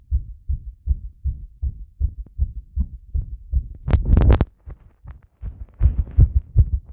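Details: Heart sounds recorded after a bath with compression: steady low thumping heartbeats, fast at roughly 150 a minute, with a brief rubbing noise partway through.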